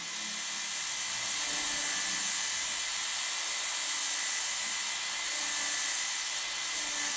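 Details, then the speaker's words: Dental drill cutting a stepped crown preparation on a lower canine, now moving to the palatal (lingual) surface, taking small amounts: steady high-pitched hiss and whine. "Evet şimdi palatinel kısma geçiş sağlıyorum. Görmüş olduğunuz gibi paletin de yine ufak ufak alacağım"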